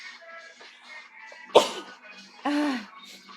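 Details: Someone sneezes twice: two abrupt explosive bursts about a second apart over background music; sneezing.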